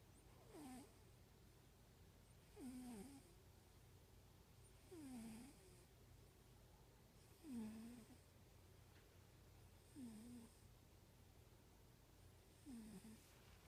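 Soft, regular snores about every two and a half seconds, roughly 25 a minute, with a faint whistle on each breath; ordinary sleep snoring in a cat.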